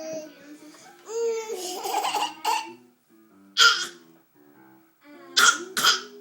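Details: A young child gives several short, forced cough bursts mixed with playful voiced sounds, a deliberately faked cough; voluntary (fake) cough.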